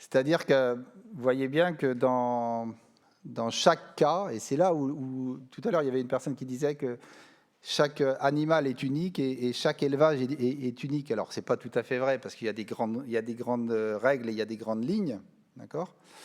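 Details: Adult male speaker; normal speech.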